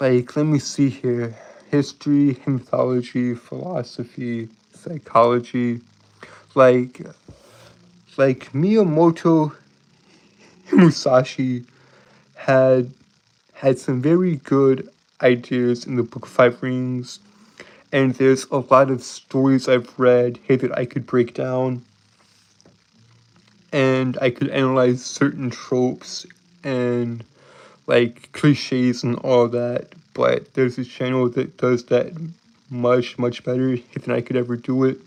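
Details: Stuttering in a male streamer with a self-reported speech impediment that makes him stutter and trip over his words.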